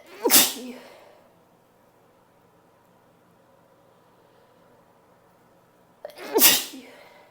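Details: Attempted sprayed sneezes from a female: two sharp hissing sneezes about six seconds apart with quiet between; sneezing.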